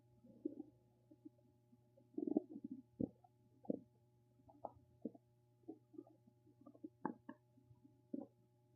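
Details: Irregular gurgles and squeaky rumbles from the gut, ordinary bowel sounds, against a faint steady hum; stomach rumbling (borborygmi).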